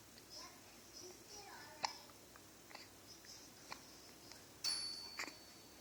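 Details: Hiccups in a 2-week-old infant: brief, sharp hiccup sounds recurring about every second in a quiet room, some with a faint squeak.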